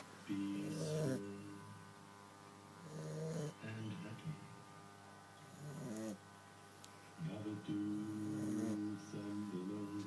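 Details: Sleeping female Staffordshire puppy, about 14–15 weeks old, snoring: soft, whistling and snorting breaths repeat over a steady low hum.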